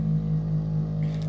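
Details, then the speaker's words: Steady low motor hum of a suction machine switched on for a pre-use check before connecting tubing for tracheostomy suctioning, demonstrated as an exam procedure; pressure then tested by watching the gauge rise. "you can also show The Examiner that you are testing the machine so you go down there and press the button for switching on then"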